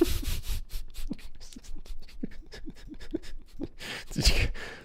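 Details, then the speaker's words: An adult's audible stomach growl from hunger: a rapid run of low, bubbling gurgles and pops, heard while speaking into a microphone. "that was my stomach. I'm really hungry. I've been notified by my insides that I'm extremely hungry."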